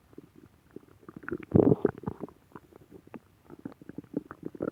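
Gurgling, bubbling rumbles with one louder growl midway: ordinary stomach growling from gas and fluid moving through the gut.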